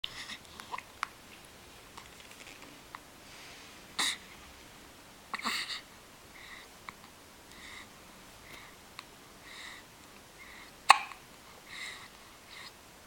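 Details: Hiccups: soft, brief hiccup-like sounds recurring irregularly in a quiet room, with a few sharper ones.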